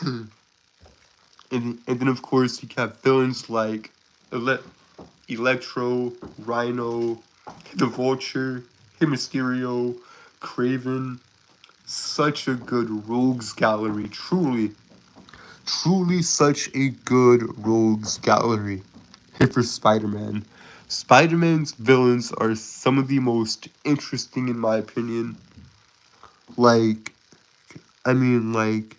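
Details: Stuttering in an adult male who calls himself a Southern stutterer with a speech impediment; he is currently sick and recovering.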